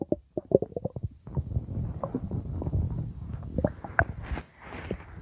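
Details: Quick bubbly pops, then a long gurgling rumble with more bubbling, from a hungry stomach; ordinary borborygmi.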